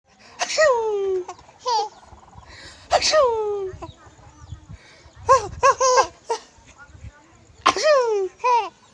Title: Baby Smiling For Sneezing 😤😩😝😘😁